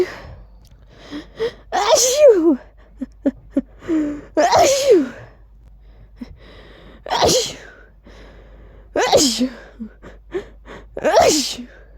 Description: I really tried to actually say "Achoo!" while sneezing. They sound so weird like this 😂 but it was fun to try 🤧